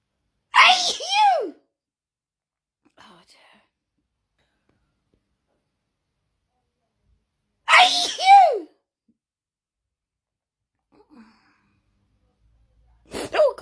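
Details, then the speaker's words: Person starting another sneezing fit with no known trigger: two loud, high-pitched sneezes several seconds apart, with the start of a third at the end. "I go again, another sneezing fit."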